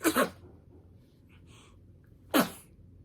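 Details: Two small, quick sneezes, a short pause, then a third soft sneeze from a 65-day-old baby in a quiet room.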